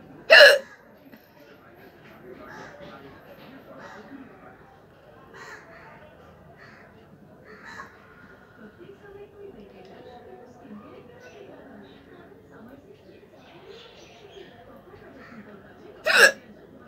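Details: Hiccup challenge, real hiccups without water: two sharp, abrupt hiccup sounds about sixteen seconds apart over quiet room noise and faint talk.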